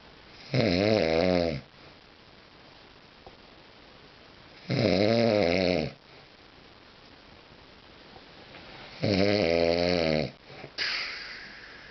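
Three loud, rattling snores with quiet breaths between, roughly 14 breaths a minute; typical heavy snoring.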